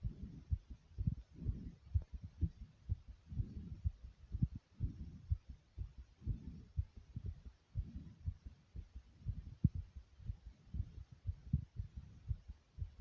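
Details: Person's own heartbeat, described as fast yet soft: muffled, rapid dull low thumps at roughly 120 beats a minute.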